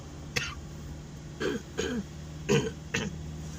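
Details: Adult ambulance driver with a cough and cold and a lost voice clears the throat in several short, rough bursts over a few seconds, steady background hum, at night in an ambulance.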